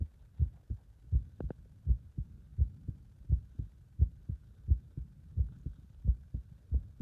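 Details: Heart sounds recorded under exercise load: strong, regular lub-dub at about 85 beats a minute.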